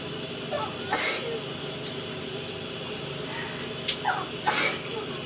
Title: Shower sneezes